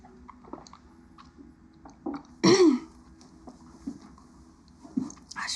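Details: A single loud, rough throat clear by an actress in a quiet room, with faint breathing and small mouth sounds around it.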